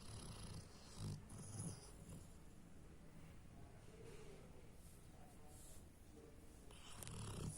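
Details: Sleeping Hachiko lightly snoring: quiet, low, rough snorts between soft breaths.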